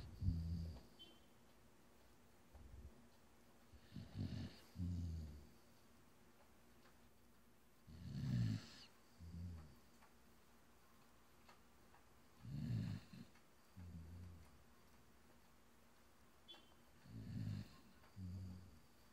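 Low, rumbling snores in pairs, a longer snore on the breath in and a short one on the breath out, about 13 breaths a minute.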